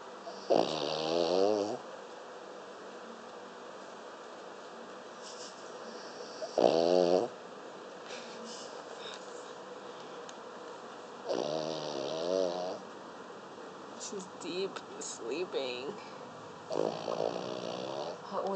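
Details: Female dog snoring during a 5-hour nap after a long morning walk: slow, rough, rattling breaths, four clear snores about five seconds apart, with softer breathing between.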